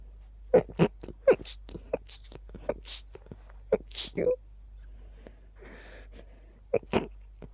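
A rapid series of quiet, stifled sneezes in quick succession, a sneezing fit.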